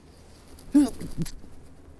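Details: Allergic sneezing fit blamed on rising ragweed and high winds, sneezes coming stronger and stronger: one abrupt voiced sneeze burst with a short follow-up sound in a quiet room.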